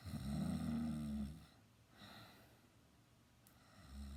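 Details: Loud snoring during a nap: one loud, rattling snore on the in-breath, then a quiet breath out, with low room hum behind.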